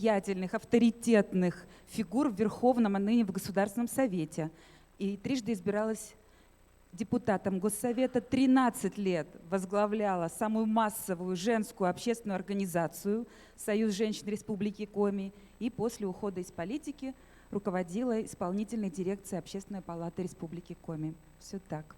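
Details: Adult speaker; Normal voice.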